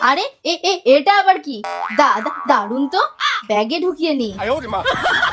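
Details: Bengali comedy character deliberately acting a stutter with repeated syllables for humor, not a real disorder; stuttering (acted).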